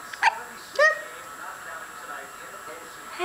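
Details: Two short, abrupt, high-pitched catches close together, then quiet room sound; hiccups in an infant girl.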